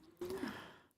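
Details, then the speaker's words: Older female hound dog that snores and wheezes a lot, asleep in the room: a single low, rough, breathy snore. "dog is in the room snoring again probably can hear that over there she's she's getting older she snores and wheezes a lot"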